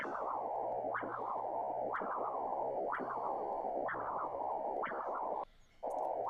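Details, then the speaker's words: Pulsed Doppler ultrasound of the internal carotid artery: whooshing signal rising each beat and continuing through diastole, continuous forward flow of a normal low-resistance artery supplying the brain. "este registro va siempre para adelante sístole diástole fue el que vimos al principio sístole diástole Por qué Porque el cerebro como Es lógico necesita estar irrigado durante todas las fases del ciclo cardíaco"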